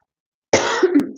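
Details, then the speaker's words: Single abrupt adult cough with a brief voiced throat-clearing tail after silence, during a live stream; the speaker says she has no cough and blames her medication. "My gosh, why am I coughing? No, it's I haven't got a cough. It's just a medication."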